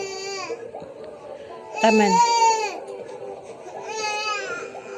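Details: Baby crying while mother is busy washing the feeding bottle: several rising and falling wails with short pauses in a small room; ordinary infant crying.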